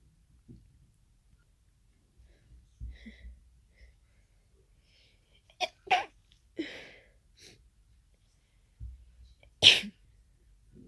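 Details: Sneezing fit of unknown cause after an hour of nasal irritation: several forceful sneezes in quick succession, with sniffing and breathing between.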